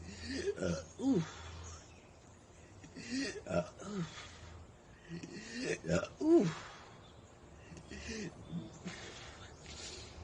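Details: Black woman with hiccups struggling to burp, describing stomach discomfort, feeling miserable and air bubbles caught in her chest: clusters of short, voiced, gulping hiccup-like bursts merging into small burps, irregular over about ten seconds.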